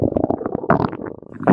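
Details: Stomach growling (borborygmi): a short, loud, bubbling gurgle rising and falling over about a second and a half.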